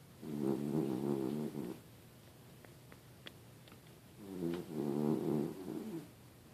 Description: Shelly snoring up a storm after a fun day.